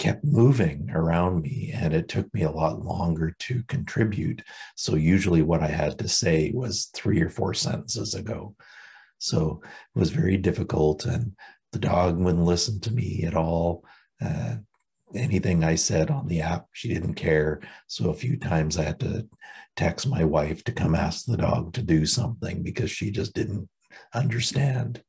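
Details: Adult with permanent left vocal fold paralysis from recurrent laryngeal nerve loss during thyroid tumour removal (anaplastic thyroid cancer, stage 4b) in October 2019, after injection medialization surgery, little change from before; pitch changes occasionally; unilateral vocal fold paralysis after injection medialization.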